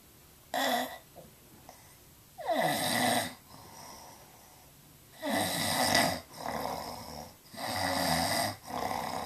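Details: Snoring recorded with a Flip Video camera: loud, rough, rattling snores at irregular intervals, roughly 25 a minute, with softer breaths between.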